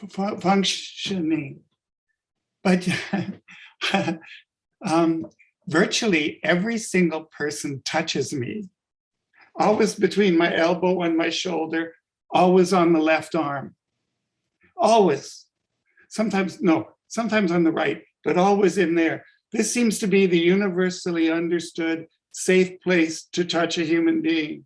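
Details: Adult man with sudden adult-onset stuttering five years ago, attributed to functional neurological disorder (woke unable to speak, up to 20 seizures daily); began as initial sibilant stuttering, now mostly syllable-by-syllable blocks; fluent in mirror or fake accent; functional adult-onset stuttering.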